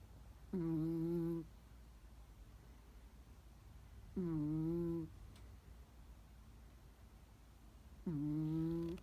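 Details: A small Chihuahua sound asleep, snoring loudly.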